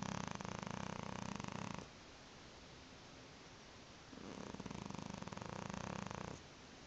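Two long, buzzing, fluttering snores on the in-breath with a quiet pause between; a cat snoring.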